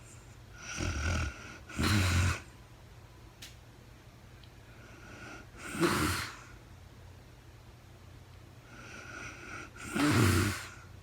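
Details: Real-time sleep recording of a woman snoring, no talking: irregular low rattling snores on inspiration with quieter breathing between, in a quiet room.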